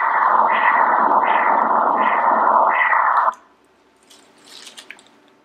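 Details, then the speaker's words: Doppler ultrasound at 34 weeks of pregnancy, right and left uterine arteries: steady pulsing whoosh about 85 beats a minute; normal uterine artery Doppler signal. "This right here is the right uterine artery. Great. Left uterine artery."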